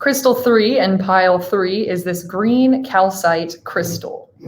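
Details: Adult woman; Typical speech.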